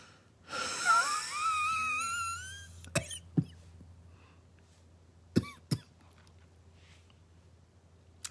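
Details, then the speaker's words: Person who says they have bronchitis and shortness of breath; a long breath carries a high, whistling, shifting wheeze, then a few short coughs or throat sounds: wheezing. "this is what I have bronchitis and shortness of breath you can even hear it like when I it did I'm just used to it but"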